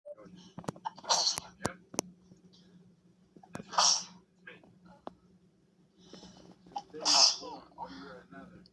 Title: beautiful girl sneezing with tank tops